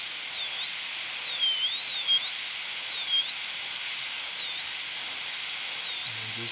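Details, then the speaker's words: Full zirconia crown preparation, tooth number three (upper molar), rounded shoulder: high-pitched wavering whine with airy hiss from a high-speed dental drill making the distal proximal cut with a brushing motion to break contact. "so let's go ahead and make our distal cut kind of a brushing motion always keep your eye on that proximal surface of the adjacent toes"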